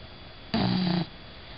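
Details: Female bulldog sleeping: a single low, rough, buzzing snore about half a second long over steady background hiss; snoring.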